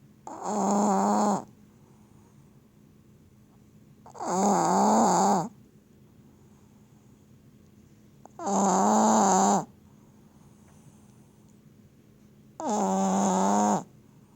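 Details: Loud, regular rattling snores on each breath, about 14 a minute, with quiet pauses between them; snoring described as mad.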